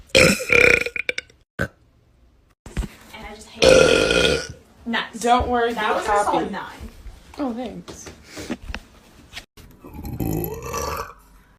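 Several loud, drawn-out voiced belches separated by pauses, with brief background music and a short spoken word at the end. Repeated burping.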